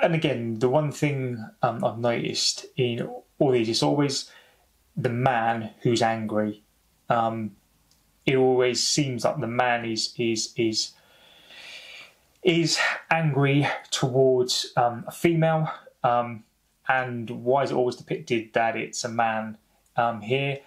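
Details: Stuttering (stammering) in an adult man who says he has stammered for over 30 years, heard in spontaneous English speech.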